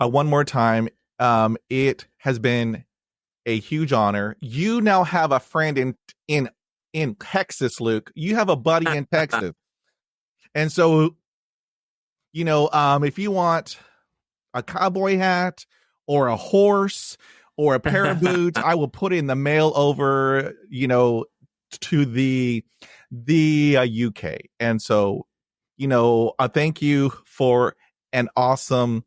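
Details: Adult man who stutters, a podcast host; part-word and word repetitions heard; stuttering.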